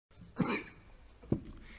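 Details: A man's coughing fit.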